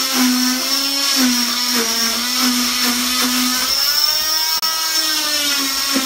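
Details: Loud steady high-pitched whine shifting slightly as the blade meets the cast: oscillating cast saw cutting off an adult woman's cast during cast removal.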